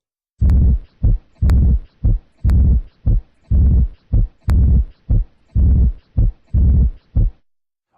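Regular heartbeat about 60 a minute, with a drawn-out low whooshing sound filling part of the resting phase between beats: a diastolic murmur.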